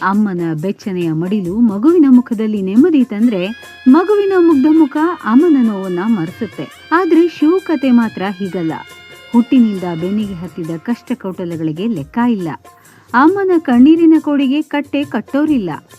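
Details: Adult female narrator; Normal speech.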